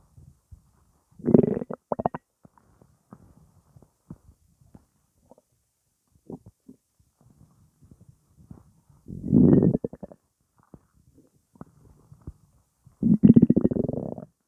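Irregular gurgling, bubbling bursts with three louder rumbles; ordinary bowel gas sounds.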